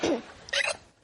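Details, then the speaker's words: An adult's deliberate fake hiccup, performed on request: two brief, squeaky gulping vocal bursts, the second higher and sharper, likened to a Chihuahua heard from a distance. Imitated hiccup. "That sounded like Chihuahua from a distance."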